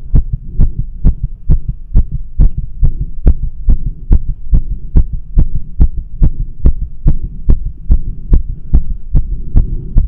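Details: Fast, regular, pounding heartbeat at about 140 beats a minute over a steady hum, at rest, with no exercise, caffeine or nicotine, during a tachycardia attack with dizziness, shaking and breathlessness; tachycardia.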